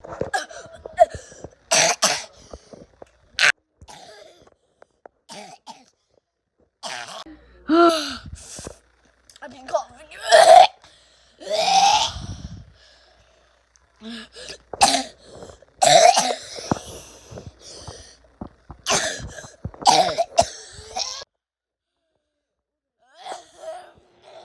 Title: I can’t stop my cough😷